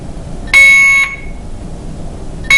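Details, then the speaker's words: Alaris infusion pump occlusion alarm, patient side, in a simulated IV piggyback antibiotic demonstration after the roller clamp below the pump is closed: a loud, piercing half-second tone repeating after a pause. "now it's got a red light here that's alarming and it says occlusion patient size"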